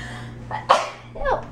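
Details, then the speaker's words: Woman sneezing while getting ready for boxing: brief inhaled build-up, sharp voiced burst of air, softer trailing exhale; single sneeze. "I feel a little better I'm gonna sneeze yeah excuse me geez"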